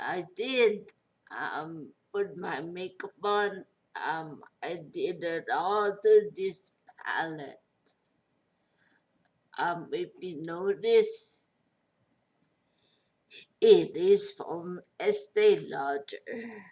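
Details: Post-stroke speech impairment in a 43-year-old woman after a major stroke with a long recovery.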